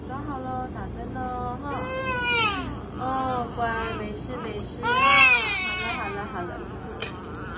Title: A lot of crying, the baby was in pain - Immunizations For Two Month Old Born Baby.